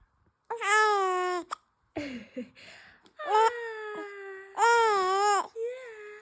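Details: Female infant crying during a bout of hiccups: repeated drawn-out wailing cries with short breaks and fussing sounds between them.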